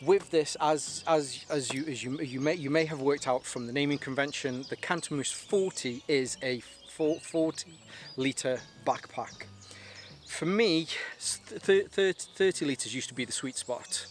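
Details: Adult male with stuttering (stammer) linked to anxiety, still present slightly and much worse on an earlier day of filming.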